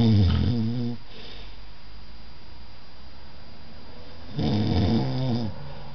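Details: A partner snoring in sleep: two loud, low, rattling snores a few seconds apart, with quiet breathing between them; ordinary snoring.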